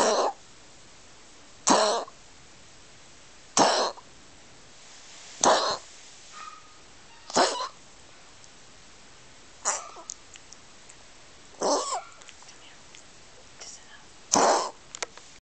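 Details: Eight harsh, dry coughs from a dog, evenly spaced about every two seconds in a quiet room, recorded 9/28/09.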